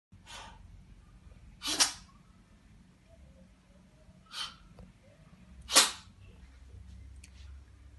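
Four short, sharp sneezes within eight seconds in a quiet room; repeated sneezing.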